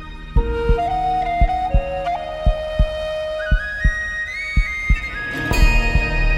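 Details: Steady low thumps at about 57 a minute under flute music; a heartbeat sound effect in an epic music mix.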